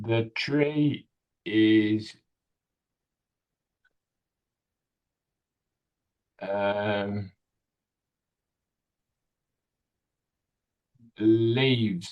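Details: 65-year-old male with Broca's aphasia in a real tele speech therapy session on a picture-based word-retrieval task; non-fluent speech with word-finding difficulty; Broca's aphasia (non-fluent speech).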